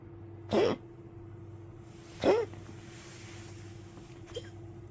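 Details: Two sharp, harsh coughs then a faint third over low hum from an old Poodle waking at night coughing, then drinking water with weak legs; brief dog coughing bout.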